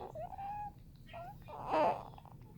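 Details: Newborn baby fresh after birth: brief high-pitched cries with short whimpering sounds; an ordinary infant cry.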